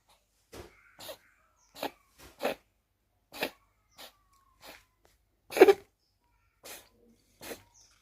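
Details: Cat coughing: about ten short, dry, hacking bursts spread over eight seconds; a cat's repeated cough.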